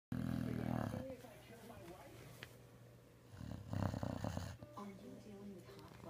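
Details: Snoring: low, rough snoring breaths with quieter snuffling between them in a small room.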